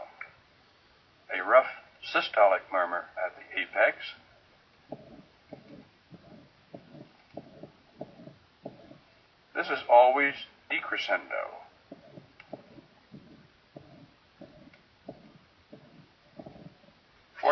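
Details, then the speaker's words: Rough systolic murmur at the apex, isolated from its associated heart sounds to compare with a mitral stenosis presystolic murmur; heard as repeated short, rough, low-pitched bursts fading within each beat. "now if you artificially dissect this murmur from its Associated heart sounds it is easier to hear and comparing it side by side with a rough systolic murmur here's the difference"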